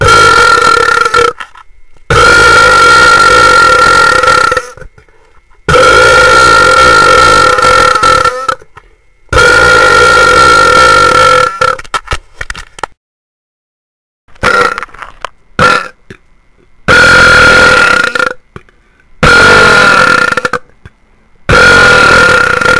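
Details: A series of long, loud, drawn-out belches with a resonant tonal quality, separated by short pauses; repeated burping.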